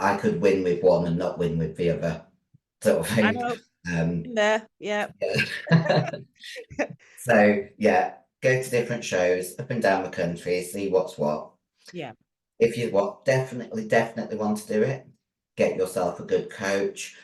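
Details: 56-year-old female bodybuilder with androgen-induced voice deepening (virilized voice) after taking large doses of anabolic steroids, including male steroids; she can no longer sing; also has chronic kidney disease and past liver damage.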